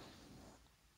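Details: A person snoring faintly in a quiet room: a low, fluttering rumble that fades out over about half a second.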